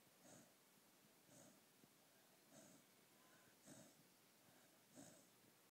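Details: Repeated soft snorting snores, about six in under six seconds, each with a faint rough edge, from a sleeping puppy that is dreaming; snoring.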